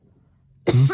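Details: Adult single cough: after a brief quiet pause, one sudden, harsh cough burst runs to the end of the clip.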